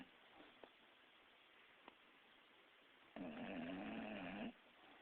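Quiet room, then a single rattling, buzzing snore lasting over a second; snoring.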